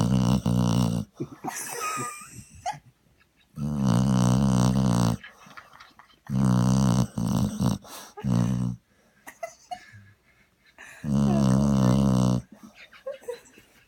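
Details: Springer spaniel sleeping snuggled on a sofa after a long walk, snoring heavily: four long, loud, low rattling snorts with quiet gaps between.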